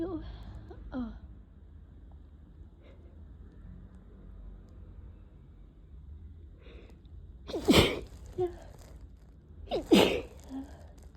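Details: Two forceful, wet-sounding sneezes after quiet sniffing in someone coming down with a cold, after a day of nasal itching and tickle that wouldn't stop.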